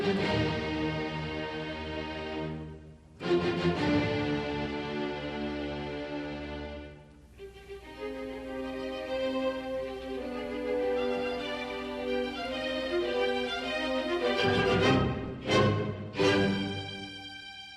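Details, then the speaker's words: Music as heard with normal hearing, played as reference before a cochlear-implant simulation of the same music; normal-hearing music reference. "인공와우를 통해 들리는 소리와 음악이 어떤지 한번 영상으로 확인해 볼까요 청인이 듣는 음악 소리는"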